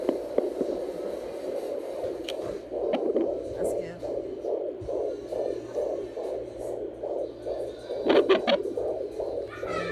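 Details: Fetal heartbeat of a baby girl heard with a home Doppler: rapid, regular whooshing pulses at about 150 per minute, with faint static and clicks.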